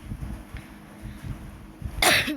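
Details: Girl with fever and hoarse voice coughs while playing a video game; cough.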